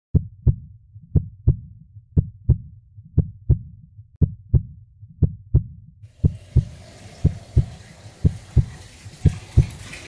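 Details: Steady heartbeat at about 60 beats a minute, each beat a clear lub-dub pair of thumps.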